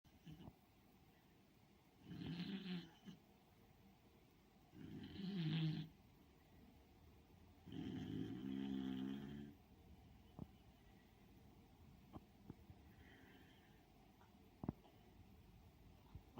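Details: Slow, rumbling snores from a sleeping dog: three long breaths with quiet pauses between them in a hushed room.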